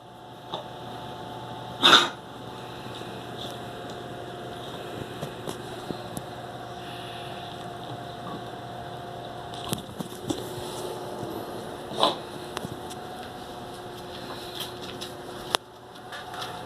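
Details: A female golden retriever gives one short, harsh cough, then a fainter second burst, over a steady indoor hum: dog cough.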